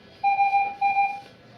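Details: ICU ventilator being set up: two steady electronic beeps as settings are entered and accepted.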